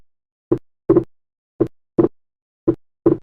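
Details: Heart sounds with a clearly split second sound held wide apart, the split still varying with respiration, as in right bundle branch block: wide splitting of S2.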